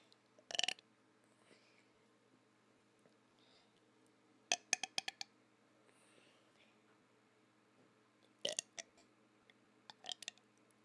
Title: Burping with mouth closed